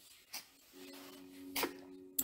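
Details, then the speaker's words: Small female dog with a mild cold sneezing indoors: brief, sharp bursty snorts over a steady low hum. "bien voilà j'ai mon petit chien qui éternue elle a eu un elle a attrapé un petit rhume donc si vous entendez éternuer c'est ma petite chienne qui est en train d'éternuer"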